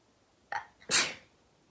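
A short in-breath followed by one sharp, explosive burst of air: a single sneeze.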